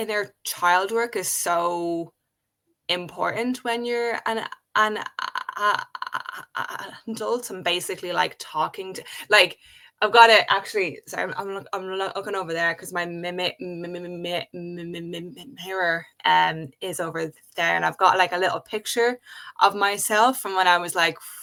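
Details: Adult woman who has stuttered since age five, in natural conversational speech with word and part-word repetitions. Stuttering.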